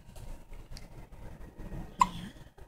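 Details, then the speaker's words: Newborn about 24 hours old, wide awake: soft rhythmic breathing with one abrupt hic near the end; a single newborn hiccup. "Oh, there's a hiccup. There's a hiccup. You're so wide awake right now, aren't you? Yeah. Oh my. Big hiccup. Oh, so cute. Those are very cute hiccups."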